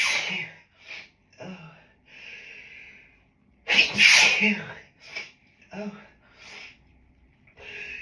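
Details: Allergic sneezing triggered by a dog in the office, on top of grass pollen allergy: several muffled, held-back sneezes with breathy catches, then one loud uncontrolled sneeze and more stifled ones.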